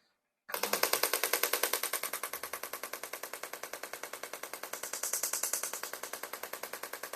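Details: Shockwave therapy device giving rapid, regular sharp clicking pulses, about 200 a minute, over the quadriceps thigh muscles during weekly treatment for patellar tendinopathy (knee pain mostly on the inner side). It targets tight trigger points that may twitch, with about 400–500 pulses per spot.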